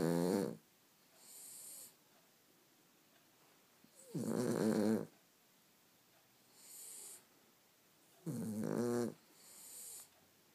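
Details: Sleeping Cavalier King Charles Spaniels snoring: loud buzzing snores on each in-breath with softer hissing out-breaths, about fourteen breaths a minute.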